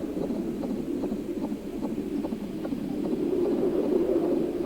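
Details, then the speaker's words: Simulated fetal heartbeat from a pregnancy app, played at about 28–30 weeks of pregnancy: rapid soft thumps about 150 per minute over a steady whooshing hum, as heard in utero. "I don't know if it's focusing on it at all, but if you turn up the sound, you can hear what their heartbeat would sound like and how it would sound in utero."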